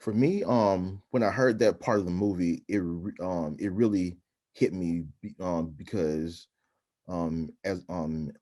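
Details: Adult man who stutters, with frequent interjections; stuttering.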